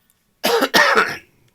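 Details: Adult man with coughing attacks, heard during a hobby recording: a single harsh double cough, close to a throat clear.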